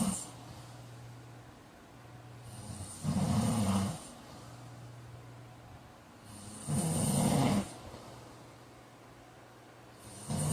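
Loud rattling snores on each breath in, roughly 16 a minute, with quieter breathing out between; snoring during sleep.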